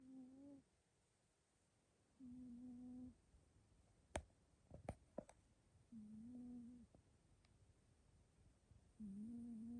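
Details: Cat aged 3, about to turn 4, possibly a Scottish Fold, recorded 25 February 2025 and described as fairly loud: buzzing snores each lasting about a second with quiet pauses between breaths; ordinary snoring.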